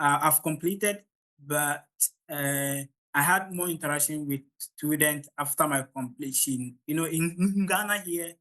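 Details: Adult man from Ghana who stammers, at the start of a talk, which he says is usually his most difficult part; stuttering.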